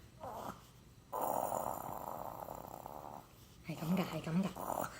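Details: Child playfully imitating snoring, thinking everyone snores when asleep: throaty, rumbling snore sounds between short vocal bursts.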